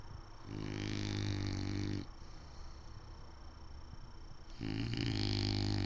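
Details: English Bulldog snoring in sleep: loud, rattling, low-pitched snores on two long in-breaths, with quieter breathing between them.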